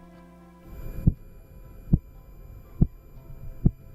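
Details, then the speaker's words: Korotkoff sounds heard by stethoscope during manual blood pressure cuff deflation: first heartbeat marks systolic, last heartbeat marks diastolic pressure. "again the first heartbeat will be your systolic pressure and the last heartbeat will be the diastolic pressure"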